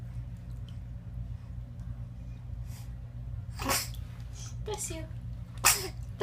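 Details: Dog sneezing during bathtime: three short, sharp sneezes over steady running water and room noise; playful excitement sneezing.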